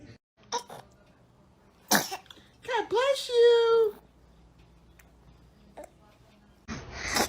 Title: Funny Babies SNEEZING 😅 Compilation 2021 - SOO Cute Baby SNEEZE Moments